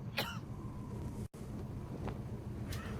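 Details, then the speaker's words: Harsh cough bursts from an adult man (Mr. Mayhew) over a steady low rumble, told to take his mask off and get some air: cough. "recognize your cough. Take that mask off, you know, get some air."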